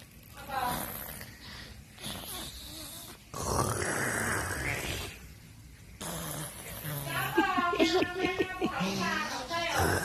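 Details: Deliberately imitated snoring: loud, rough, throaty snorts made on purpose, with talk and laughter around them.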